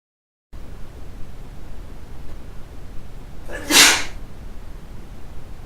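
One sharp, explosive sneeze breaks a quiet room; a single sneeze.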